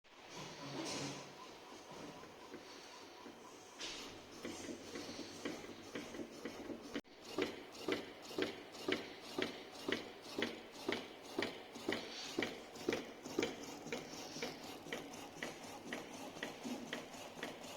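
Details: Motor-driven bag-valve-mask compression in a low-cost mini assistive mechanical ventilator prototype, an educational proof of concept not for clinical use: steady mechanical clicking and ratcheting, about two per second.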